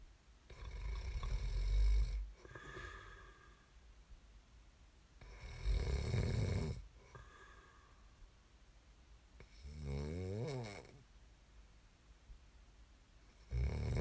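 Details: ASMR snoring recording made for listening to fall asleep: deep rumbling snores, each followed by a softer breath out, then a gurgling, fluttery snore; about four breaths in fourteen seconds; heavy snoring during sleep.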